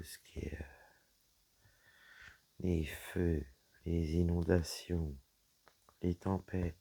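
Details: Woman whose vocal cords were damaged by a serious health problem; her voice is deeper than before, at times she has little voice, and she cannot speak loudly; low-pitched voice; dysphonia.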